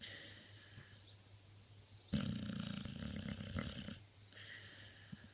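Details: Dog snoring: quiet room, then one loud, rough, rattling breath lasting about two seconds before fading; a single snore.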